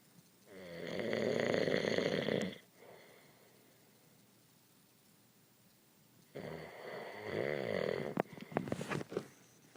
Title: And you think your husband snores!